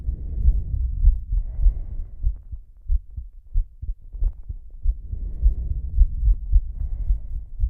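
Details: Regular low heart thumps at roughly 100 beats a minute with slow heavy breaths rising and falling over them; a fast heartbeat.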